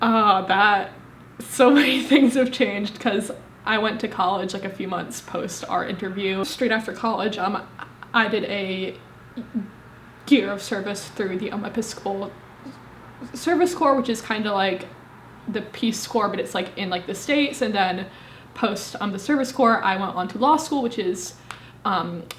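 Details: Woman, 25, with a severe stutter present since at least age 18; stuttering.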